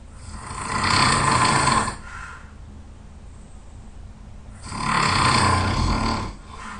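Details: Very tired person, loud snoring: two long, loud, rattling snores about four seconds apart, with quiet breathing between.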